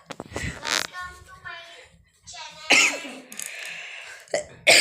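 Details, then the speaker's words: Woman with a sore throat and headache says she is coughing a lot; several short, harsh cough bursts and throat clearing in a small room between brief speech; dry, irritated-throat cough. "अरे बहुत खांसी आ रही है मुझे मुझे अभी सोने का मन हो रहा है"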